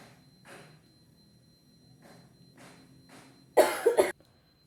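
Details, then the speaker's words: Several quiet breaths in and out, then a strong double cough burst: a demonstrated controlled effective cough technique. "Di sini saya akan mempraktikkan cara batuk efektif."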